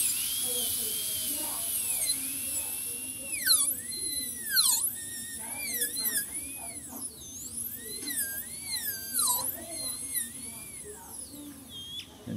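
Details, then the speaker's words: High-pitched dental drill whine rising and dipping as the bur cuts tooth #14, refining the functional cusp bevel during a full zirconia crown preparation with a chamfer margin. "i do need to do a little more on my functional cut bevel right here that i can see i'm gonna do that"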